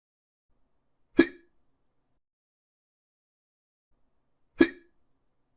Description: I got this idea because i was hiccuping too much